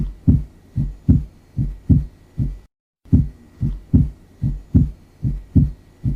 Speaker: This is the sound of Opening Snap